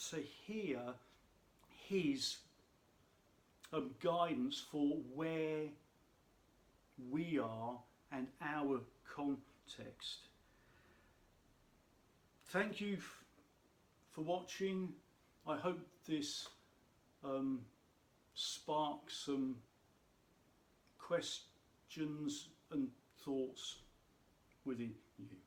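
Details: Adult man who states he has a stammer; stammer (stuttering).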